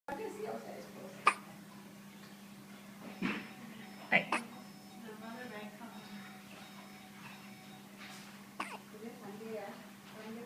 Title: Hiccups SGH